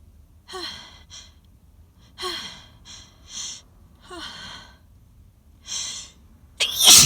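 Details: Sneezing fit while sitting in a car, described as loud, intense, very wet and dizzying sneezes; a run of gasping in-breaths, then a loud forceful sneeze; allergic sneezing.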